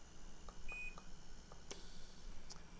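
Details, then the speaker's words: A short electronic beep among soft clicks and room noise from an Inogen portable oxygen concentrator's front control panel as the flow setting is changed with the plus or minus button. "a nice control panel on the front and you can change the setting very simple by hitting the plus sign or"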